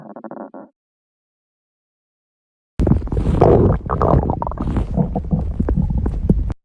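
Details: Woman's belly: loud low rumbling and gurgling lasting several seconds; ordinary stomach growling from gas and fluid moving through the gut.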